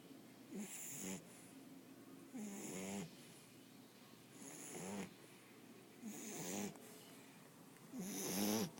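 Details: 10-week-old Olde English Bulldogge puppy asleep: rhythmic, rattling, fluttery snores with each breath, about 30 a minute, with quieter gaps between.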